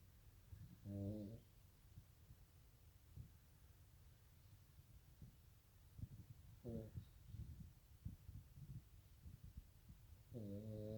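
Three loud, low, vibrating snores, roughly every five seconds, against quiet room noise with faint clicks; heavy snoring.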